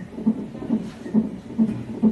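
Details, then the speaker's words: Fetal heartbeat of a breech baby girl, monitored during hospital admission for an ECV procedure: rhythmic whooshing Doppler heartbeat, regular at about 135 beats a minute and louder than earlier. "You can hear her heartbeat really good now. That's her heartbeat you hear. It wasn't so loud earlier."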